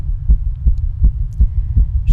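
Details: Female heartbeat, described as fast and skipping: rapid, low, muffled beats at roughly 160 a minute, fairly even, with no clear skipped beat in this stretch; tachycardia (fast heartbeat).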